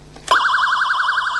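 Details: A click, then a loud, steady warbling electronic siren tone from a bedside bedwetting (enuresis) alarm during a demonstration of its selectable sounds.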